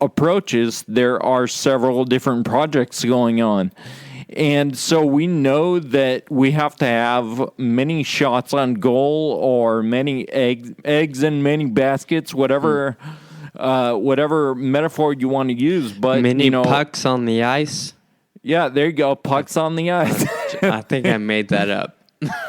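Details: Ataxic dysarthria in a male podcast host with Friedreich's ataxia, who says slurred speech is a symptom of his condition, along with loss of balance and of muscle control in his legs and arms.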